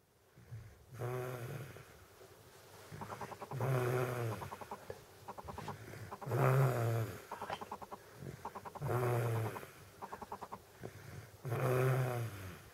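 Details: Sleeping baby with Down syndrome: noisy, vibrating snores on each in-breath, about 23 a minute, with softer fluttering sounds between; infant snoring.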